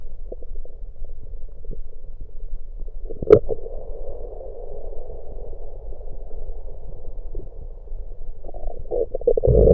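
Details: Bowel sounds from the stomach, recorded with an electronic USB stethoscope while gulping Coke: low rumbling and gurgling, with a sharp swallow-like burst and bubbling near the end.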